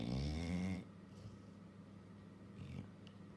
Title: Labrador dog in deep sleep snoring & twitching everywhere as though she's pocessed